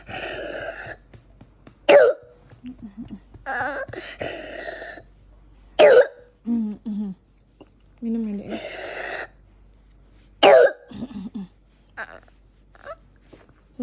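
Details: Young child having a midnight flare of pneumonia, coughing until short of breath before an emergency room visit: several sharp, wet-sounding coughs with strained breathing and fussy vocal sounds between them.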